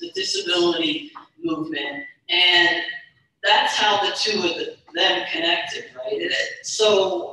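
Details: Stuttering in a woman speaker who stutters; real speech.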